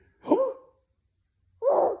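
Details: Girl with hiccups, being taught to hold her breath to get rid of them: two abrupt, short voiced catches in the throat about a second apart.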